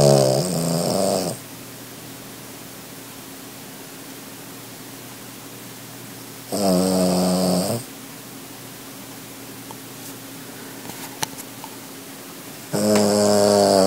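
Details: Small dog snoring while asleep; loud, rattling snores in slow cycles, roughly nine a minute, with quiet pauses between.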